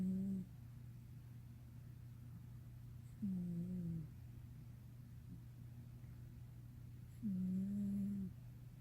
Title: Black cat Luna is snoring 12.22.18 (deep sleep special edition)